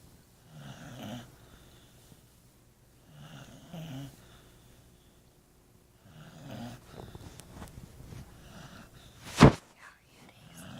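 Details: Sleeping dog snoring, said to be sick after eating a frog and trash: regular rumbling snores roughly every three seconds, with a sharp snort near the end.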